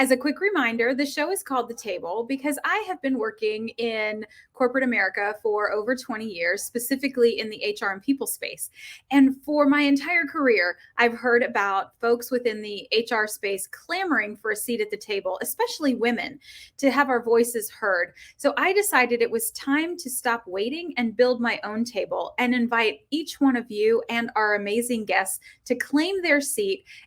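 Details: Adult female speaker; Ordinary speech.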